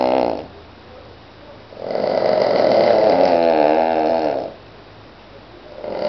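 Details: Cavalier King Charles Spaniel asleep on a Sunday morning after a walk: loud, rattling snore lasting a few seconds, with quieter breaths before and after.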